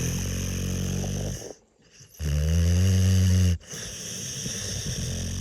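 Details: Dog snoring: a loud, low rattling snore lasting through each breath, broken by a brief pause and a buzzing inward snore.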